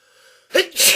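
A faint hum, then a sharp inward catch followed by a loud hissing sneeze burst; an ordinary sneeze.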